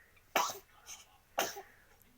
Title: cute sneeze